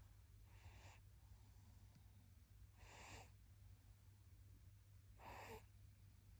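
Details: Light snoring in a sleeping baby: three soft, noisy breaths a few seconds apart over a steady low room hum.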